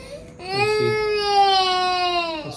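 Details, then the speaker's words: A boy nearly 12 months old put down to sleep during sleep training: a single sustained, tonal, wailing cry of about two seconds; the crying stopped after about 10 seconds. "crying's already stopped. Okay, that was probably a record. Stopped crying after about 10 seconds."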